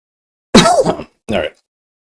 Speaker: Sorry about that. Hope you guys didn't hear that cough.